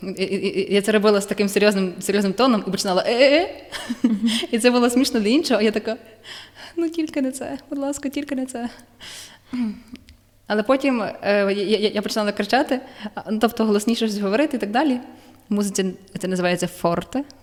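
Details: Woman who stutters, more so when nervous; stuttering.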